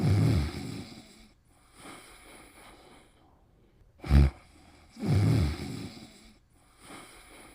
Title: Pimples' Cute Snoring Pt. 2